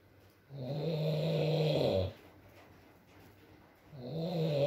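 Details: Male snoring in an ASMR sleep recording: two long, buzzing snores on the in-breath separated by a quiet pause, with rain in the background.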